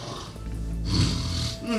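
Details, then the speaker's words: Obstructive sleep apnoea in an adult male extreme snorer monitored overnight at a sleep clinic; lying on his back, he stops breathing for about 30 seconds. "He's on his back now. And he's not breathing at all. It's going on for a good 30 seconds now. This is serious."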